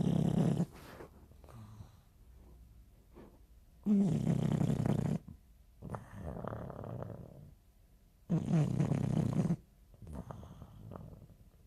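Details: Female English bulldog snoring loudly in her sleep: low, rattling snores every few seconds, each about a second long, with softer breathing between. Snoring.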